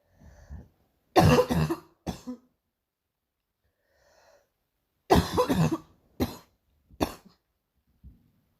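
Two bouts of coughing, each a loud harsh burst followed by a couple of shorter coughs, in a quiet room; recurring morning cough.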